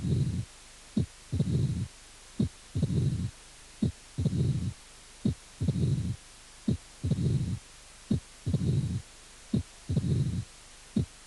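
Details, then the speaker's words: Mitral stenosis: diastolic murmur with loud first heart sound, protodiastolic opening snap and diastolic rumble. "soplo diastólica y el primer ruido fuerte chasquido proto diastólico y retumbo diastólica"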